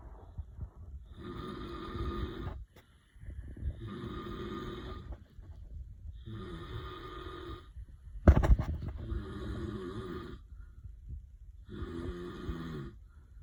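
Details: Man (husband) snoring beside a dreaming Weimaraner: five loud, rattling snores on the in-breath, about 24 a minute, with a brief snort partway through.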